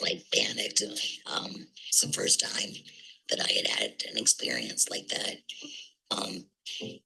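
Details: Woman, after total laryngectomy for cancer found during testing before another surgery; neck breather speaking through a tracheoesophageal puncture voice prosthesis: tracheoesophageal (prosthetic) speech after total laryngectomy.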